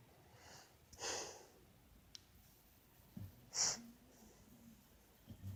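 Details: Pit bull snoring during a nap.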